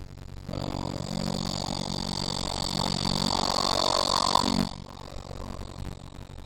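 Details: One long, rough, buzzing snore on an in-breath with a steady low rattle over quiet room noise, recorded during sleep with the SnoreLab phone app.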